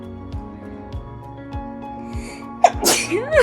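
A single sharp sneeze bursts out near the end, over steady background music.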